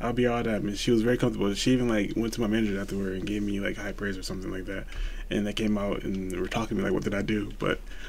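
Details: Adult man speaking; ordinary fluent speech.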